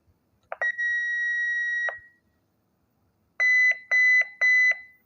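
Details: A steady high tone, then repeated short beeps, as a Philips defibrillator set to 150 joules charges and signals it is ready to shock, in a hospital demonstration without a patient.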